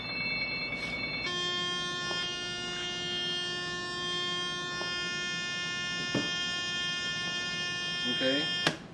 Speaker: that continuous alarm sound there is what is considered a good alarm the reason that is considered a good alarm is because it's mostly two reasons that is the cause of the alarm loss of power at your outlet where your outlet has become unplugged